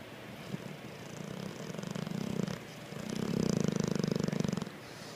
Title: Raider Snorts & Snores